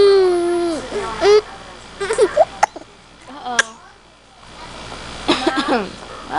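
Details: Baby going to bed gets hiccups: infant fussing and babbling broken by short, sharp catches in the breath.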